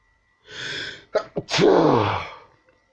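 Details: Quick inward gasps building to one loud explosive sneeze, part of constant non-stop sneezing.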